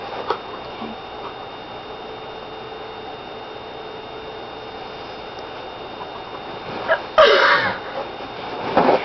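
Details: Sneezing deliberately induced by sniffing laundry detergent held to the nose at night: after quiet room noise, one abrupt explosive sneeze, then a rougher follow-up burst; sneezing.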